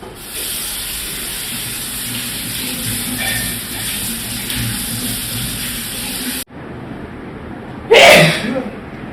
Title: Sneezing And Nose Blowing Challenge Part 15😂😂😂